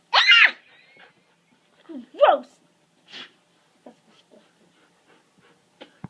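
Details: Old dog sneezing in a person's face: a sharp, hissing burst of air, then a second snorting burst and softer sniffs in a quiet room.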